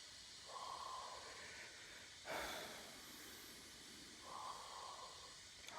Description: Wife snoring in bed like darth Vader "Luke I am your father"